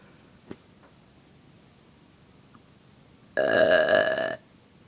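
Quiet room, then one loud, drawn-out burp lasting about a second; a single belch.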